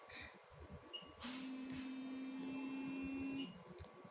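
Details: Thermagic FLX radiofrequency skin-tightening handpiece on a person's back with gel, treatment level 5 to 7, vibration at highest: steady low buzzing hum with high-pitched whine for about two seconds.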